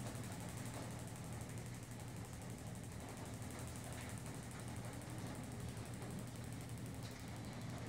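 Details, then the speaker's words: Gymna Shockmaster 300 shockwave at 12 Hz, 15 mm convex head with gel, moved over the tibial tubercle of a skeletally mature knee with Osgood-Schlatter disease, some spots more painful: steady rapid mechanical tapping over a low hum. "as you can see here the therapist is moving the shock wave around the those good slats areas which are much more painful than others"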